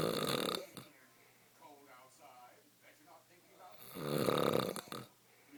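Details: Two loud, rough snores on breaths in with faint background talk between them, recorded as proof that a man snores.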